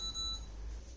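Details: A brief high electronic beep as a FreeStyle Libre 1 reader scans its sensor, with faint room hum; this was a glucose check after a FreeStyle Libre 2 showed 2.9 though the user felt fine, and the Libre 1 then read 4.1.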